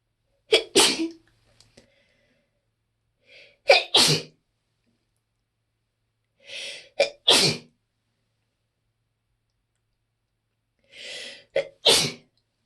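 Four sneezes in quick succession over about twelve seconds, each with a sharp in-breath and then a forceful burst: a sneezing fit.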